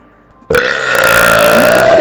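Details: Person deliberately burping in his brother's face: a long, loud, sustained burp starting abruptly after a quiet room and rumbling on for over a second, followed by laughter; burping.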